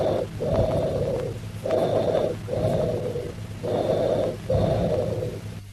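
Harsh, hollow, tubular breath sounds with loud expiration, about as long as inspiration and separated from it by a brief pause, roughly 15 breaths a minute. These are bronchial breath sounds heard over consolidated lung, where airway noise is carried directly to the chest wall.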